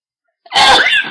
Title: Big sneezes and Nose blowing